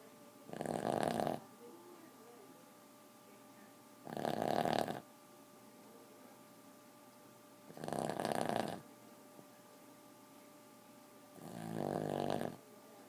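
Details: Four-year-old Boston terrier snoring loudly while asleep, keeping owners awake: loud, rattly snoring breaths at a steady pace, about 16 a minute, with a faint steady hum behind.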